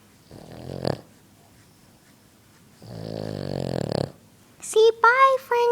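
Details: Dog snoring extremely loud: two loud rattling, buzzy breaths from a sleeping dog, then a brief high whine or squeak.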